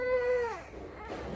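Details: Crying of a one-and-a-half-month-old infant after vaccination with three injections (two in the thighs, one in the arm), falling off as it ends, with adult voices and room noise behind.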